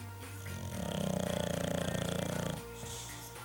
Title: Chubby our English Bulldog sleeping soundly, snoring away.